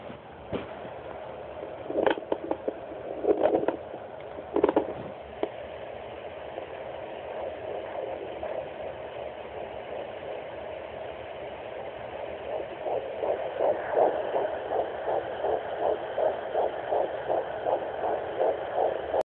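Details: Handheld fetal Doppler at 11 weeks of pregnancy: hiss and scraping, then a fast, regular galloping fetal heartbeat near 160 beats a minute.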